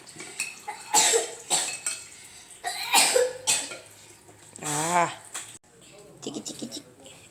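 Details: Several short, sharp coughs from a young child, spaced a few seconds apart, with a brief vocal sound and household noise; cough during a cold with runny nose, in the recovery phase of the illness.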